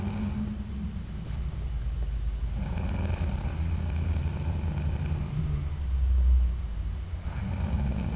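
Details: Adult man snoring loudly during sleep: steady low rumbling with rough, rattling breathing throughout and a louder surge near the end, recorded audio only.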